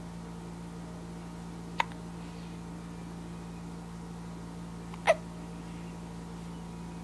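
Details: Two brief, sharp hiccups a few seconds apart over steady low room hum.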